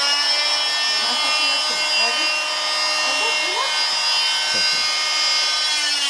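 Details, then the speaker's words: Oscillating cast saw demonstrated before removing a boy's arm cast after two months: loud, steady high buzzing whine with faint talk underneath; patient told to expect vibration. "Basically, this is what I'm using to remove your cast. Okay. It's very loud. A little bit, actually. But you will feel the sensation, the vibration, okay."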